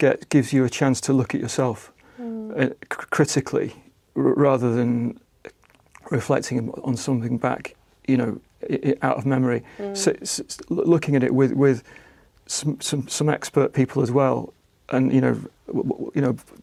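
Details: Aphasia in an adult man following a stroke about a year ago; attended a conversation therapy group.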